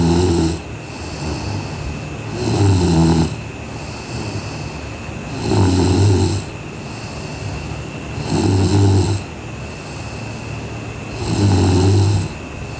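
Loud regular rattling snores about every 2.7 seconds, near 21 breaths a minute, over a steady background hum; snoring.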